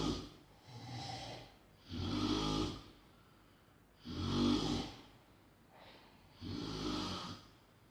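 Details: Heavy snoring: loud snores, four in about eight seconds, each a long rough rattle; deep habitual snoring.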